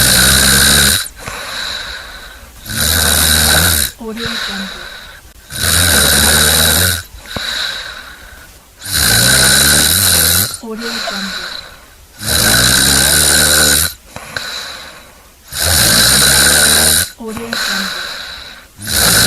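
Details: Loud, rough snores on each breath in, about 18 a minute, with quieter breaths out between; snoring from a compilation.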